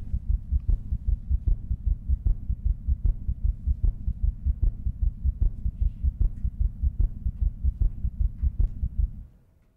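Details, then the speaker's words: Fetal heartbeat from the first fetal heart recording, made in 1908 with a soap bubble and later recovered as sound: steady, regular low thumps about 76 a minute over a constant deep hum. "and so this is the recording we've been able to pull out of this the first time a fetal heartbeat was recorded in 1908 by a soap bubble"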